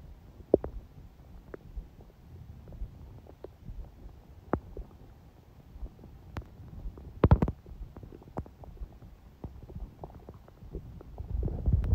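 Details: Stomach sounds on a day with smoothie breakfast and salad, owner noting the stomach stayed quiet even when hungry: quiet low gurgles, scattered soft clicks and pops, a few louder bursts; ordinary bowel sounds.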